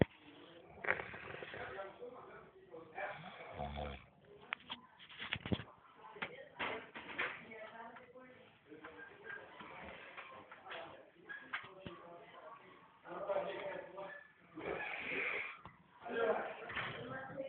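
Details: Person snoring while asleep: rough, noisy breathing sounds recur, with background talk and music.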